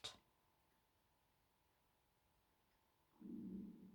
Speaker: can you hear my tummy intolerance this is everything connected to the solar plexus gurgling away ever since it starts clearing